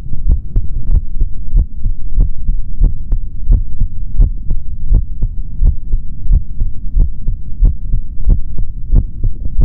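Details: Normal heart sounds of a male, heard through a stethoscope in an ASMR recording with no talking: steady, strong lub-dub beats, about 80 a minute, regular rhythm, with a low rumbling hum between beats.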